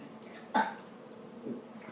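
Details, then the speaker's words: Person burping during a burping contest: a single short, throaty belch in a quiet room. "Oh, Kristen won. No, I did. I burped twice. But I burped the loudest."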